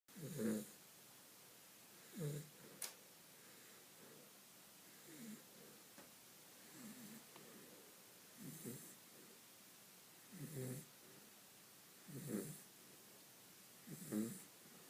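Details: Snoring in a sleeping pet dog: rhythmic rattling snores at roughly 30 per minute, each a short rough burst on breathing in, with quiet pauses between.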